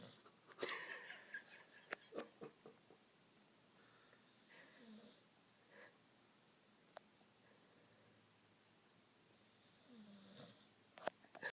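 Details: Snoring while sleeping on a couch after a long walk.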